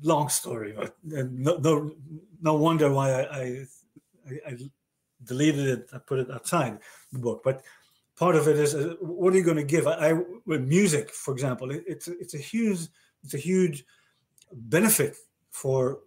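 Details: Male stroke survivor diagnosed with aphasia after a stroke about 30 years ago, in conversation with word-finding difficulty; aphasia.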